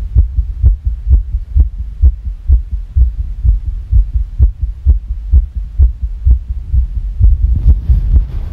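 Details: Rapid heartbeat at about 128 beats a minute with slightly uneven spacing, described as a sick, fast irregular heartbeat; fast heartbeat.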